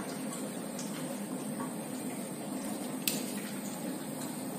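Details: CPAP machine on a newborn in a NICU: steady soft bubbling of water in the humidifier chamber, the normal sound of the system working.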